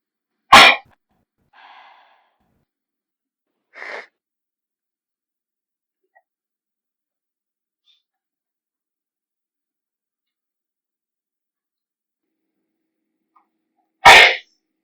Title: Girl in front of me has sneezing fit during test! (loud)